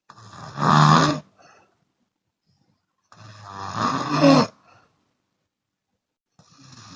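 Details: Chinese woman snoring with her mouth open: loud, harsh, rattling snores about three seconds apart, each followed by a soft breath out; open-mouth snoring.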